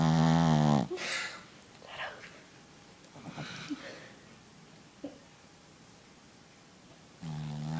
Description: My puppy Mia snores really loud omg xD